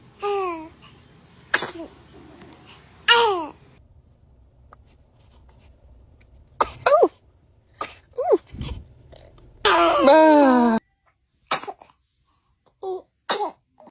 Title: Baby sneezes #trendingshorts #tiktok #shorts #shortsfeed